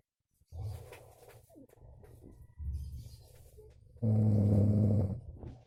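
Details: Snoring in a man who complains he can't sleep: rough, rumbling breaths ending in a loud, buzzing snore. Labelled as possibly linked to obstructive sleep apnea in long-term snorers.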